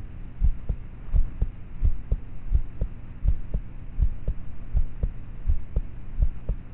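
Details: Own heartbeat of a roughly thirteen-year-old, recorded at night with a cheap MP3 player microphone, poor quality: faint, muffled regular paired thumps, about 80 per minute, under steady hum; normal heart sounds.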